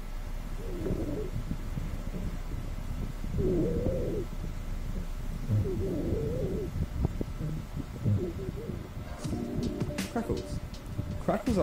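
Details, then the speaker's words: Fine, short, high-pitched intermittent popping sounds, mostly late, described as air passing through fluid, pus or mucus, commonly heard at the lung bases during inspiration: crackles (rales). "known as alveolar rails the sound crackers create a fine short high-pitched intermittent crackling sounds the cause of crackles can be from air passing through fluid pus or mucus it is commonly heard in the basis of the lung lobes during inspiration"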